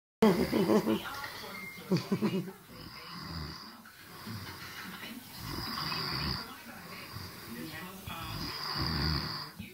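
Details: Snoring: repeated rough, fluttering breaths in a steady rhythm, each breath rattling.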